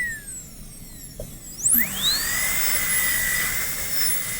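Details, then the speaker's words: Dental high-speed handpiece with a chamfer bur: a high-pitched whine spins up and holds a steady shrill tone while cutting a canine PFM crown preparation, with the bur end kept at the margin during a student teaching critique. "Alright, so let's go ahead and use this chamfer burr. And we're going to just keep the end of the burr at the margin."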